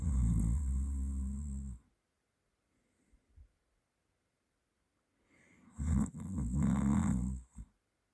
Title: OMG i snore while i sleep... Owo